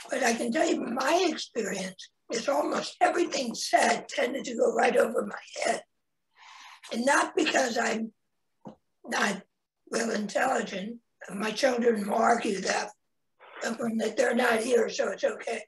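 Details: Adult man, 25 years after total laryngectomy for head and neck cancer in 1996 at age 41, with primary tracheoesophageal puncture and secondary prosthesis placement; tracheoesophageal speech after total laryngectomy.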